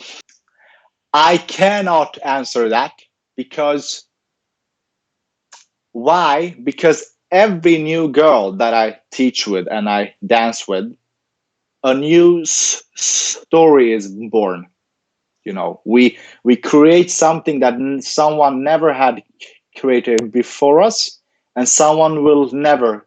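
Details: Adult man with stuttering, in speech-language therapy since age ten and later trained as a speech-language pathologist himself; stuttering heard in an interview.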